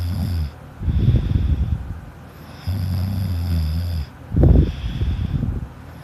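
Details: A child recorded asleep by a sister, snoring loudly: low, rumbling snores on both breathing in and out, with fluttering snorts; snoring in a sleeping child.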